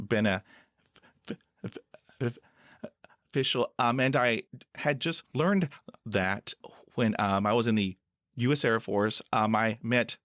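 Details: Adult man who stutters; stuttering.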